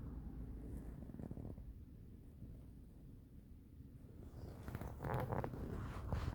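Low rumbling and gurgling from the abdomen, with louder bubbling bursts near the end: audible bowel sounds.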